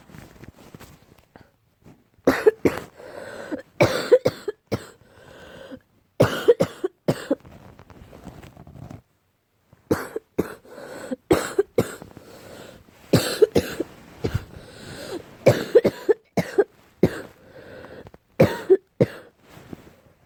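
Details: Repeated bursts of short, harsh, barking coughs in quick clusters with throat clearing between, from an allergic reaction to cats; barking cough.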